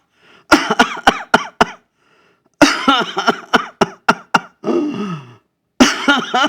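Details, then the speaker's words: Imitated whooping cough (pertussis) paroxysm by an adult: spontaneous, prolonged, uncontrolled runs of rapid coughs with an exhausted deep drawn-in breath between bouts. "This is a type of cough in getting perticosis."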